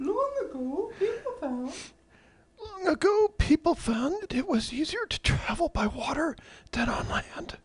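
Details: Abductor spasmodic dysphonia, vocal cords spasming apart involuntarily, causing intermittent voice drops to a whisper or breathless sound while reading a standard sentence.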